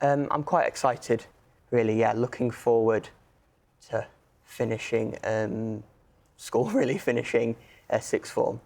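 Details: Stammering in a male sixth-form student; onset while already at primary school.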